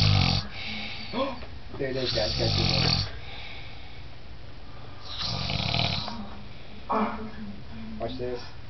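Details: Loud, rough, rattling snores on each in-breath from a man passed out asleep with the TV on, television voices in the background: heavy snoring.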